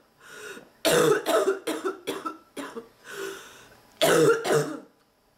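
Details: Run of harsh, repeated coughs in close succession from a sick adult woman with a non-stop persistent cough, back aching from coughing, with nasal congestion; a coughing fit.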